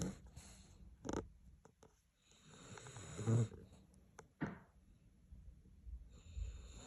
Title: loudest snoring dog in the world😂🫣🥴😂#trending #viral #shortvideo #love #subscribe #thankyou #fyp